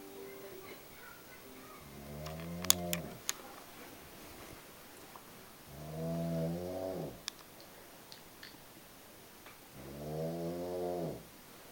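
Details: Soft, buzzing, vibrating snores in a regular rhythm, about three in twelve seconds, from a sleeping animal that is out cold in a quiet room. Snoring.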